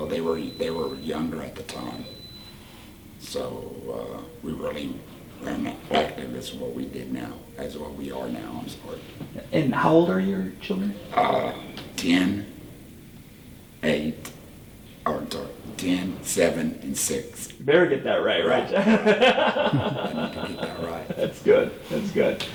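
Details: Tracheoesophageal speech in a 38-year-old man using a Provox voice prosthesis after total laryngectomy for cancer.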